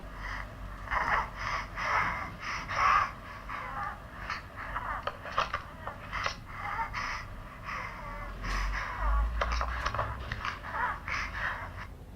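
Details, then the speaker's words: A child wheezing, played in a lecture on common childhood diseases: rapid, noisy breathing with a whistling, musical edge from narrowed airways. "there is wheezing, and there is sore throat. So I want us to listen to a child who is wheezing."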